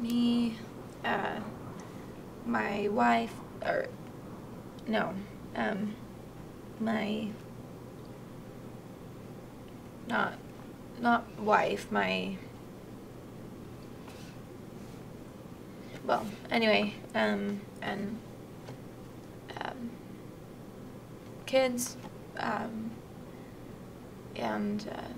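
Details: Moderate Broca's aphasia, a non-fluent aphasia, in conversation; word-finding difficulty, halting expressive language with reduced output and lost linking words; Broca's aphasia.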